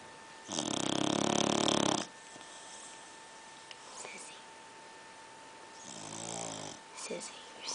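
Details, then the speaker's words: Sleeping Pitbull dog snoring: one loud, buzzing, rattling snore, then a softer one a few seconds later, with faint room noise. "you're snoring. Sissy."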